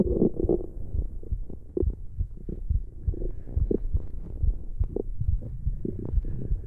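Low, irregular gurgling and rumbling bursts with bubbling pops, consistent with stomach growling from gas and fluid moving through the gut.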